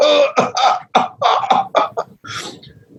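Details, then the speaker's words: An herbalist imitates paroxysmal coughing, a cough that cannot be stopped: a fit of about eight rapid coughs in a row, then a long drawn-in breath. "You have paroxysmal coughing. That's when you can't stop, which is a little bit overlapping with that last one, but it's like"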